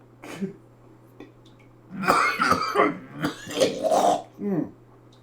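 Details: Several harsh throat-clearing coughs in quick succession from a cook with a smoker's cough who accidentally breathed pepper in a kitchen; irritant cough.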